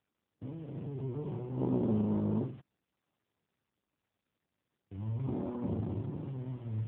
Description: roncando jajajaj